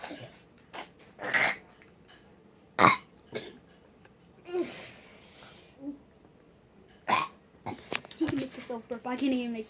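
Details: Male brother burping repeatedly: several short, throaty belches spaced across the clip, with brief laughter and talk between them.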